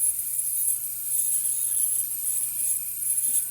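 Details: Ultrasonic dental scaler running with a slim insert during setup and water-spray adjustment: a steady high-pitched hiss and whine with a faint constant tone underneath.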